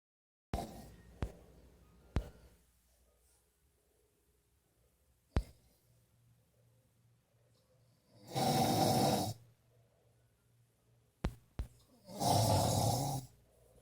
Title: snoring like a freight train 01/2016